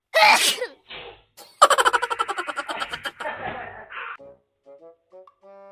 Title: cute sneeze 🤧 - Bless you bunso!